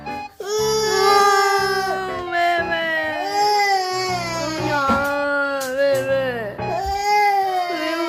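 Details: 17-month-old toddler starting to cry at the sound of father's cough: long, wavering wails over added background music; infant crying.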